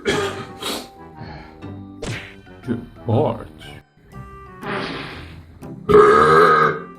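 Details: Several voiced, gurgling burps of varying length and loudness with short pauses, ending in a long loud belch, over deliberate burp-type demonstration; intentionally produced burping.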